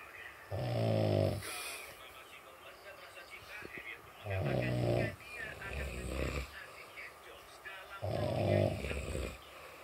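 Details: Snoring compared between sleepers for loudness: deep, buzzing snores repeating every few seconds with softer breath noise between them; loud snoring during sleep.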